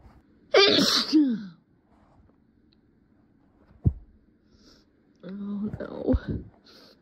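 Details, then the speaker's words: Acted, simulated sneezing triggered by a dusty rag while hiding: two loud, forceful sneezes with sharp vocal bursts, separated by a few seconds of quiet, in a quiet room. "Oh god, every time I use it, it makes my nose tickle so much. But if I don't muffle them, they'll hear me."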